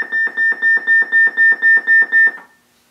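Rapid series of about ten pulsed tones, roughly four per second, a nerve monitor alarming on a simulated evoked muscle response.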